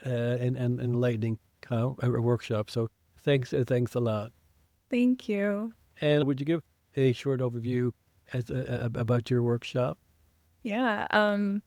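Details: Man who identifies as a person who stutters, with self-described blocks and prolongations, speaking English as a podcast co-host; real. Finding: stuttering.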